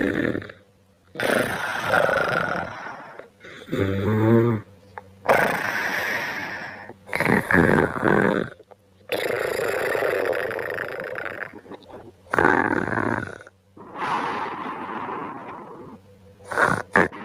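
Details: Adult man asleep at night snoring: loud, rough, rattling snores every few seconds, some longer and growling, with quiet gaps between.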